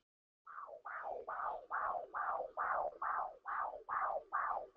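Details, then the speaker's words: Pregnant woman's home recording, made about a week earlier, of her baby's heartbeat with a phone-connected home fetal Doppler: rapid, regular whooshing pulses at about 140 a minute, a fetal heartbeat. "but I recorded the heartbeat um from a week or so ago and I can actually share that with you"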